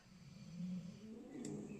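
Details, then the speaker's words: Low, rumbling snore from a sleeping female dog in the background, one drawn-out noisy breath. "I apologize if you can hear my dog snoring in the background um she's very"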